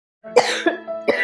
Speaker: अरे मालकिन बहुत खासी आ रही है आपको आरे राम बहुत तेज खासी आ रही है